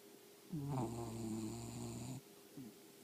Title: Snoring dog